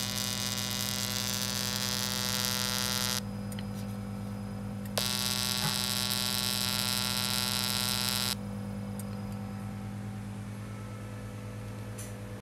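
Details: Portable fractional CO2 laser machine (A0511) operating, used for vaginal tightening and skin rejuvenation: steady electrical hum with loud whining stretches switching on and off, and faint clicks.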